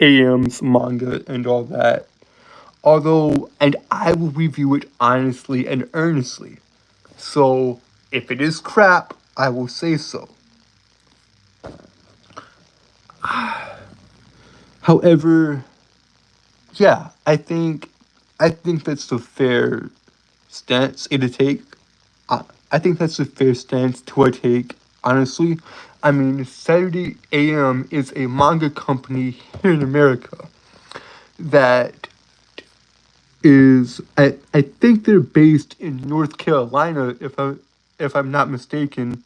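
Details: Adult male live-streamer with a self-reported speech impediment who says he stutters a lot: stuttering.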